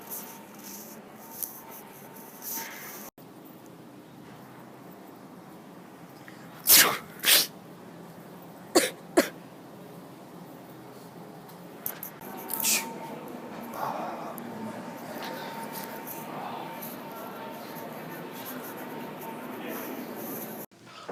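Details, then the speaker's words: Staged fake sneezes in a prank, where pranksters pretend to sneeze on people while spraying them with a spray bottle: several loud, forceful sneezes in quick pairs over a noisy indoor background. "hey guys this week's video is the sneezing prank and it's when we get a spray bottle and pretend we sneeze on people but actually we just spraying on spraying him with this"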